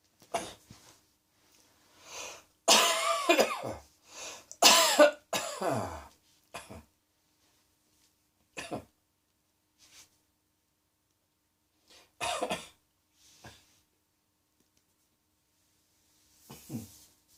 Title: Cross Dressing Coughing 30